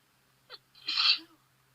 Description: My allergies were bugging me that day. So I thought I would try chinnkni.